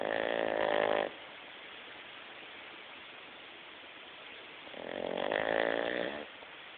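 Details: Dog snoring: two loud, rough, buzzing snores about five seconds apart, with quiet steady breathing noise between them.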